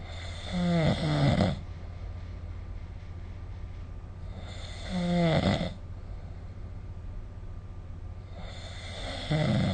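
Loud rattling snores on inhalation, about 14 a minute, fairly steady, over a constant low room hum.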